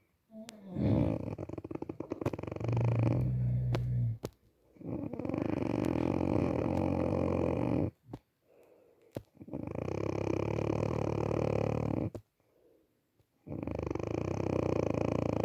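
Loud, coarse, rumbling snores lasting several seconds each, separated by short quiet pauses; heavy snoring.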